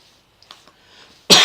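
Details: Cough.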